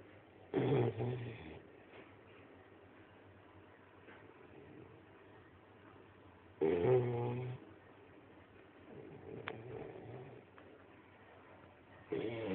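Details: Shar Pei puppy asleep: short, rough snorts about every six seconds with quiet breathing between; snoring.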